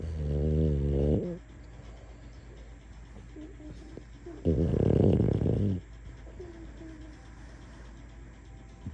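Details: Sleeping French Bulldog, possibly dreaming, snoring: two loud, drawn-out, rattling snores with soft snuffles and faint whimpers between them.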